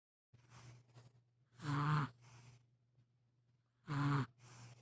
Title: caught my 3 month old snoring for the 1st time, at least he takes after mom and dad. wink wink